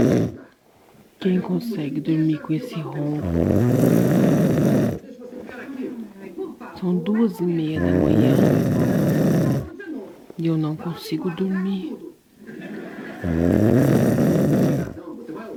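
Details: Heavy snoring in the early morning hours: loud, rough, rattling snores with a buzzing rumble, about four in fifteen seconds, separated by brief pauses.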